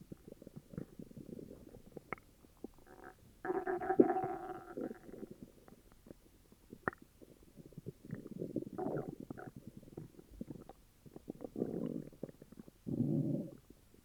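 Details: Upset stomach: low rumbling growls and gurgles in several bursts over a quiet room: borborygmi, stomach growling.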